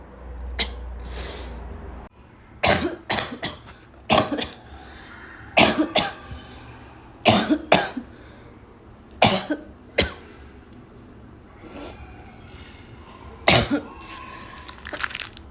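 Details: Girl's afternoon coughing fit that started weak and became violent: irregular bouts of harsh coughs with throat clearing, growing more forceful; coughing fit.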